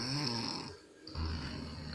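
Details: Adult man asleep: loud, rough, low buzzing on two breaths separated by a brief quieter pause; snoring.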